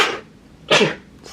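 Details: Two quick, forceful sneezes with a brief gap, the second loudest, then the start of another; a run of sneezing from a person with COVID-19 during home isolation.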